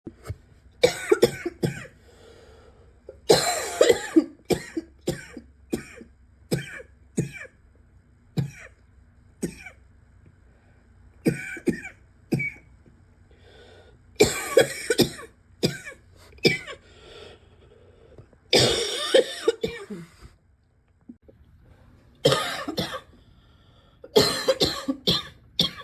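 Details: Repeated harsh, barking coughs in bursts, some loud and prolonged, with pauses between; a barking cough that is getting worse.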